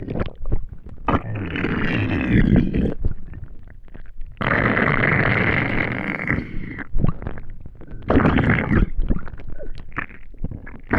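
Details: Long, low gurgling rumbles with bubbling bursts from an empty stomach after not eating for a day; borborygmi, hunger noises.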